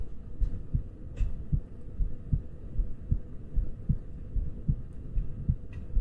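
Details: ASMR trigger-sound recording with ear picking and ear touching: a steady, low thumping normal heartbeat at about 76 beats a minute, with faint handling clicks in the background.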